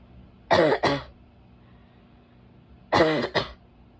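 Two pairs of harsh, voiced coughs, four in all, with a barking quality in a quiet room.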